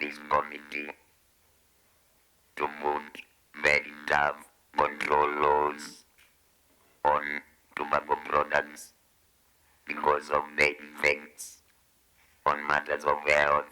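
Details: 69-year-old man who smoked cigarettes for 25 years, developed throat cancer and had his voice removed, speaking with an electrolarynx device held to the throat, without which he cannot talk: electrolarynx speech after laryngectomy.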